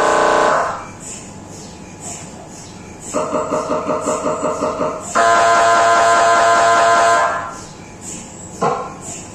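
Loud tonal buzzing and rapid rhythmic knocking from an MRI scanner, heard inside the scan room during a brain scan.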